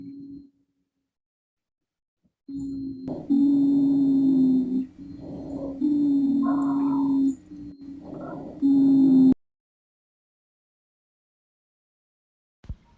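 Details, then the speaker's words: Generalized polyphonic wheeze from airway narrowing and bronchospasm, given as a teaching example of lung auscultation. Differentials named include allergic asthma, pneumonia, bronchiolitis or an allergic reaction. "entonces me sugiere diferentes que la luz sería por la parte de reducción por lo que entonces logró que espasmos un bloque estado generalizado podría ser el asma alérgica un 'netbook' una neumonía una bronquiolitis o una reacción alérgica acá lo podemos escuchar un poco más generalizado"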